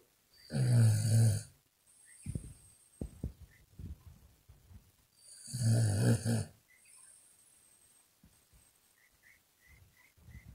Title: Snoring Puppy Wakes Herself Up